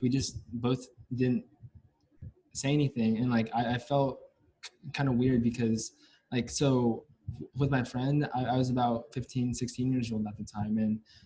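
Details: Male US-born university senior of Chinese family who has stuttered since about age five or six, with blocks and getting stuck on sounds; his biological father and maternal grandfather also stutter; stuttering.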